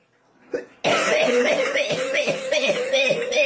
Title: crazy coughing spree// random post